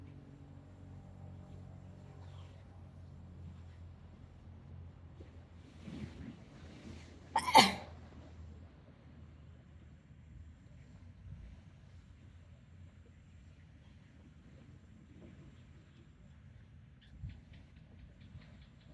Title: Tickle sneezes Philippines 🇵🇭 like and SUBSCRIBE PLEASE.